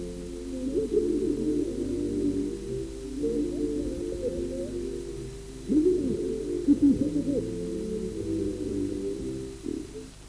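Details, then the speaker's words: Simulation of what a person with profound deafness perceives of a spoken dialogue: heavily muffled, low-pitched humming tones with no clear words. "Voici ce que perçoit un sourd profond."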